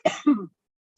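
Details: Throat clearing.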